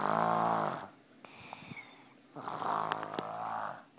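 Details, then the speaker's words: Loud snoring in a sick 2-year-old girl asleep on her mother: rough, buzzing inspiratory snores with quiet pauses between breaths. "sick baby equals Mama holding baby all day mama would love to take a nap with her but her snoring is crazy listen"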